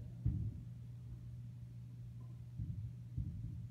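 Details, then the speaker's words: Three low thumps over a steady hum: Korotkoff sounds heard via stethoscope diaphragm over the brachial artery at the elbow as the blood pressure cuff deflates; the first marks systolic, the last diastolic pressure. "closely to the first sound which should indicate systolic blood pressure and the continuation of love dub that follows the last sound indicates diastolic blood pressure"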